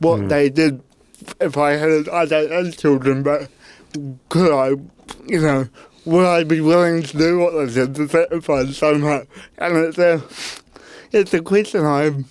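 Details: Adult man with cerebral palsy; his parents were told at birth he would never walk or talk; intensive therapy from birth to age six for walking and talking; dysarthria.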